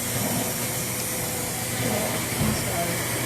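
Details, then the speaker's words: Steady loud hiss of positive-pressure airflow through a CPAP mask on a diaphoretic patient with known flash pulmonary edema who has had CPAP before, in an EMS treatment demonstration; faint low murmuring in the background. "I'm going to put a CPAP mask on him. He's had it before."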